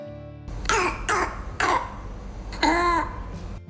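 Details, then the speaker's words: Four harsh, loud coughs with a barking, seal-like quality over soft background music, described as coarse and loud like a dog's bark; barking cough typical of croup, a viral infection of the larynx and upper airway. "Kasar, nyaring, dan sing terdengar seperti gonggongan anjing. Biasanya batu ginis ini dicebak oleh krop, yaitu infeksi virus yang menyerang lari itu di pangkal tenggorokan dan saluran napas bagian atas."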